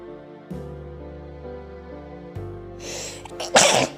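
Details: Close-up of the nose during a deliberately self-induced sneeze: a breathy build-up ending in one loud, explosive sneeze over steady background music.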